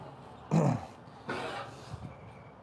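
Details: Horse with wobbly front end, possibly sore knees, and an abscess on the left front, during a chiropractic session: two short, low, harsh snort-like bursts clearing the airway, faint room noise.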